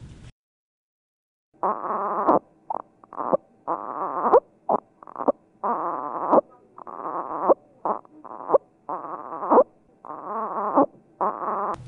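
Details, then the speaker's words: Expiratory grunting demonstrated by a baby in pediatric respiratory distress: low-pitched noise from deep in the throat, made by breathing out against a closed glottis to keep lung volume. "grunting is a mechanism by which the baby tries to maintain lung volume it's essentially closure of the glottis and breathing against that closed glottis to provide some peep to oneself"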